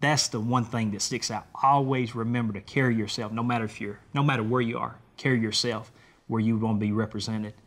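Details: Adult male speaker; normal voice.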